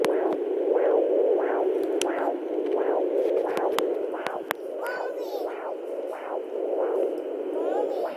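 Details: Fetal heartbeat at 11 weeks 2 days of pregnancy picked up by Doppler: rhythmic whooshing pulses over a steady hiss.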